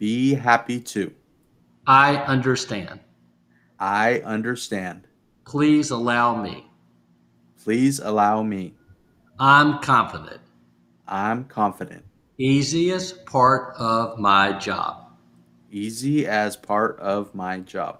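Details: Adult man, speaking; aphasia.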